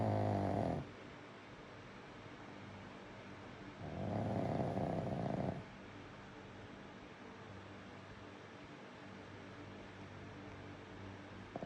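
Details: Loud, rasping snores about every four seconds over steady room hum during sleep; snoring.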